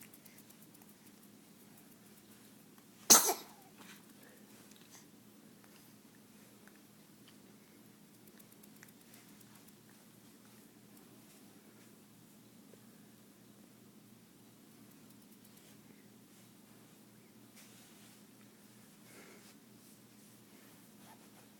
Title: Baby Sneeze